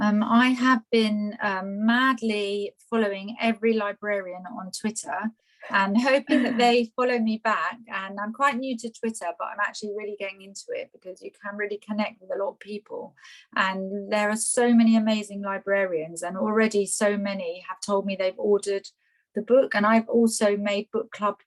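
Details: Adult woman speaking; Normal fluent speech.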